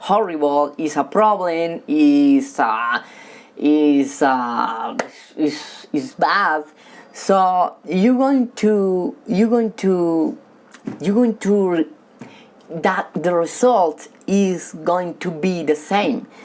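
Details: Man who has stuttered since childhood and says he stutters when talking with people but reads fluently alone; stuttering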